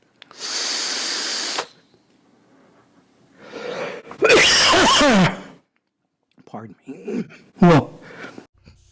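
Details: Man coughing hard: harsh explosive cough bursts with a loud hissing rush, then a strained voiced exclamation.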